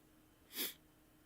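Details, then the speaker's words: Single short, faint, harsh cough in the background of a quiet room, from someone at home described as having a nasty cough. "but someone's got a nasty cough at your house oh you guys can hear that my wife"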